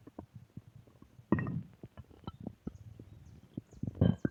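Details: Stomach growling (borborygmi): low gurgles, pops and rumbles from the belly; normal bowel sounds.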